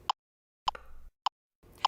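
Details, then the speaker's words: LIFEPAK 15 monitor defibrillator CPR metronome on the default adult no-airway 30:2 setting: short, sharp electronic tones at a steady pace timing chest compressions, with a faint hum between some of them. "to activate the cpr metronome press cpr the cpr metronome menu appears and the metronome is activated using the default setting adult no airway 30 to 2."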